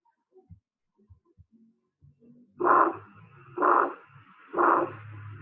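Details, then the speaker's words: A harsh systolic ejection murmur of aortic stenosis, rhomboid (crescendo-decrescendo) in shape, between the first and second heart sounds: three loud swelling and fading whooshes at about 62 per minute, played in a cardiac cycle lecture. "Fíjense, en este caso estoy con un soplo sistólico, está entre el primero y el segundo ruido, que se produce por el estrechamiento de la válvula órtica causado por la incapacidad de la válvula para abrirse."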